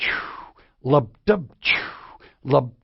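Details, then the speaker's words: Voiced imitation of aortic regurgitation: short 'lub' heart sounds, each followed by a falling, blowing murmur in diastole, when the aortic valve should be closed, contrasted with a normal heart imitation. "the murmur in aortic regurgitation is stirring diastole when uh the aortic valve should be closed"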